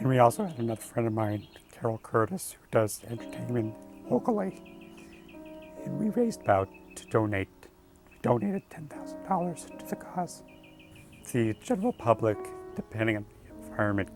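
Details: Adult man with rare mixed adductor and abductor spasmodic dysphonia (laryngeal dystonia of vocal cord muscles), gradual onset, treated with Botox injections into the throat and speech therapy; spasmodic dysphonia.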